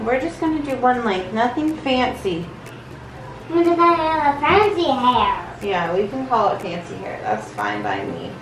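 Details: Adult woman; plain speech.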